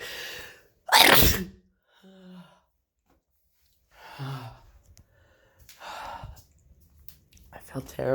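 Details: Person who woke with a horrible head cold, nose clogged shut all night: one loud explosive sneeze, then sniffing and nose-blowing; sneezing with congestion.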